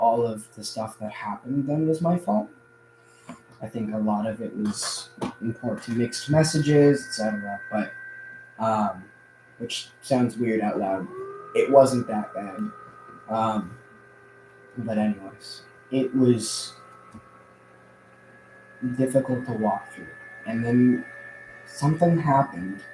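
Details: Adult man who says he stutters a lot more now than in the past; audible word repetitions; stuttering.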